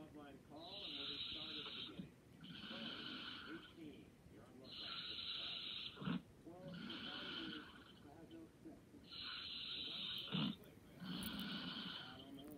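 Soft, rasping noises repeat with slow, even breathing during sleep, consistent with light snoring.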